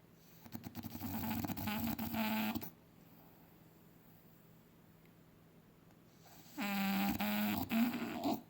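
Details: Short clip of dogs snoring: two loud, rattling, vibrating snores separated by a quiet pause, from a sleeping dog.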